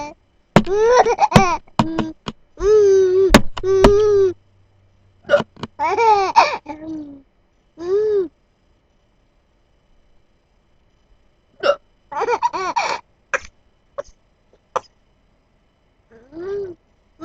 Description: 6 month old baby amused by mum's hiccups and chuckles nonstop